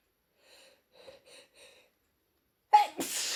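A few faint catching breaths, a short pause, then one sharp, forceful sneeze. A single sneeze during a head cold.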